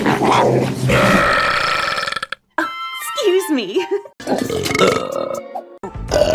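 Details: Long, loud, voiced belches from female animated cartoon characters amid music and voices, not real recordings: cartoon burping compilation.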